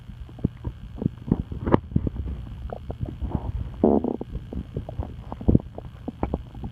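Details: Irregular gurgles, squelches and short bubbling rumbles over a low steady hum: stomach noises, bowel sounds (borborygmi).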